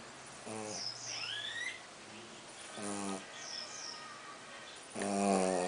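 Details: Pug snoring heavily while asleep: repeated rattling, fluttering snores roughly every two seconds.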